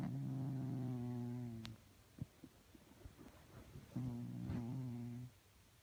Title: Snoring and sleeping cats makes weird noises 😂😻